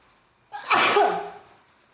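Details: A single sharp, explosive tickle-induced wet sneeze in a small room: a short intake, then a forceful burst of air that trails off.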